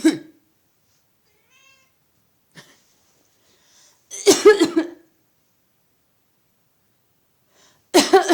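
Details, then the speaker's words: An adult gives short bursts of deliberate coughing with quiet gaps, and a pet cat answers each cough with faint, high meows: a voluntary cough. "My cat barks. My cat meows every time I cough. That's so cute."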